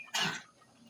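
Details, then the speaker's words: A single harsh, explosive cough from a dog that is coughing after hunting and getting rained on; about a quarter second long, fading into quiet room noise. "Alah batuk si lututung euy. Lebih mengenaskan ieu mah jigana teh."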